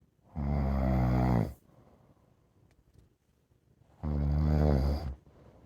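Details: Dog snoring: two loud, low, rattling snores about four seconds apart, each lasting just over a second, in a quiet room.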